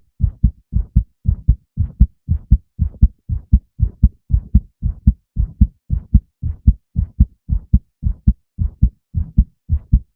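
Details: Male heartbeat: crisp, regular paired heart sounds at roughly 115 beats a minute on a quiet background.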